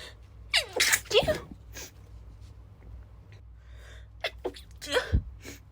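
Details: A female's itchy, stifled sneezes in quick clusters in a quiet room, each a sharp, muffled burst with a short breath drawn in before it.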